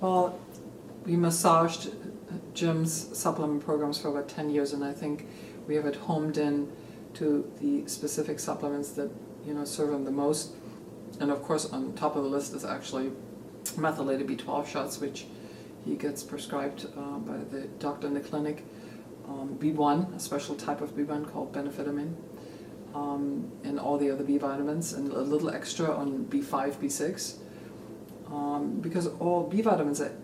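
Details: Adult speaker; ordinary speech.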